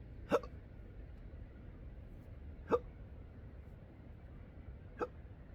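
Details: Persistent, intractable hiccups present daily since December 2015, with breathing and choking spasms, burps and developing achalasia; short, sharp hiccups about every two and a half seconds, outdoors at sunrise over quiet background.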